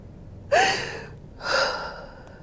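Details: During a hands-on fascia healing session with chiropractic adjustment, the patient lies on her side and makes two sharp, breathy inhaled gasps about a second apart in a quiet room.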